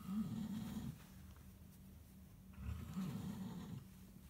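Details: Snoring, from a recording of a husband and a cat who both snore: two deep, rattling snores on the in-breath with a quieter breath between them, ordinary sleep snoring.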